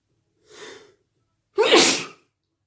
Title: wet sneezes on a 💿